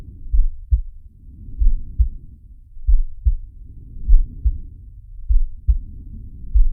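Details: Heartbeat and breathing sound of the cartoon shark Sharko from the Zig and Sharko animated series: low, dull paired thumps at about 50 a minute under slow, swelling breath sounds.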